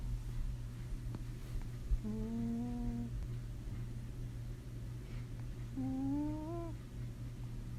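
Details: Pet cat snoring heavily while asleep, with the owner remarking that it struggled to breathe: steady low rumbling breath noise with two drawn-out squeaky whistling tones, snoring with a nasal whistle.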